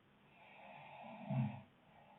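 A single faint, low snorting snore on a breath in, heard through muffled room noise; ordinary snoring.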